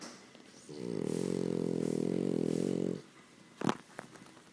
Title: Charlie (french bulldog) is snoring!!!